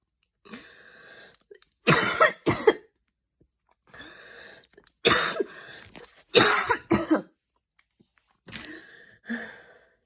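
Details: Adult having a coughing fit in a mild asthma attack after an evening run in cold air: about seven harsh coughs in clusters, with noisy rasping breaths drawn between them, after wheezing.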